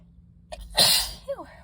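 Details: Sneeze deliberately induced by inhaling dust from books, in a person with pollen allergy: a quick inward gasp, then one forceful sneeze with a voiced tail.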